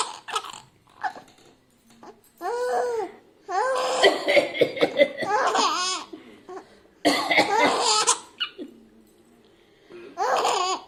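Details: Several short, harsh adult coughs in scattered bursts, mixed with a baby's high, bubbling laughter.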